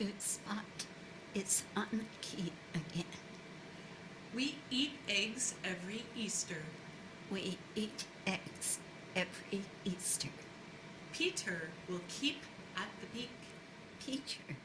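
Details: Classic adductor-type laryngeal dystonia (spasmodic dysphonia), a neurologic voice disorder that is intermittent and task-specific, with strain-strangled voice stoppages during sentence reading.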